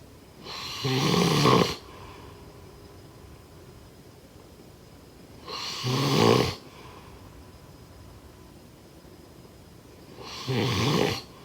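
Three loud, rough snores on breathing in, about 13 a minute, with quiet breathing out between them.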